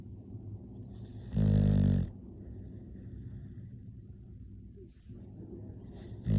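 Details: Snoring.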